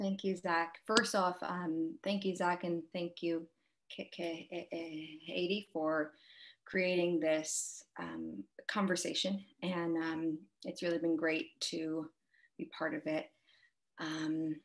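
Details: Adult person who stutters, with word repetitions; stuttering.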